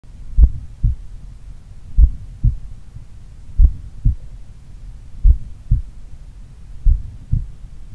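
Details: Morning self-auscultation of a person in regular daily cardio training, about 1 minute each at pulmonary, Erb's point and mitral sites (slight S3 at mitral said audible): slow, regular, clear, strong lub-dub at about 41 bpm; normal heart sounds.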